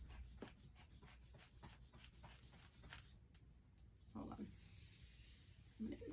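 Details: Rapid, rhythmic puffs from a squeezed hand bulb, then a longer airy hiss and faint voices during a student health assessment demonstration: manual blood pressure cuff inflation.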